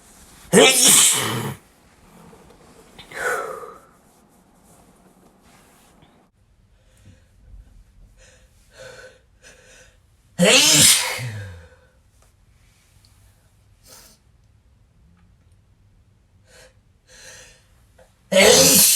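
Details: Male, failed attempts to stifle sneezes: three loud, explosive sneezes, a gasping intake before one, separated by quiet sniffing and breathing; ordinary forceful sneezes.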